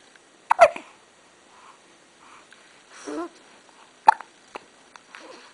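Two sharp, brief hiccup sounds a few seconds apart in a quiet room, with faint small noises between.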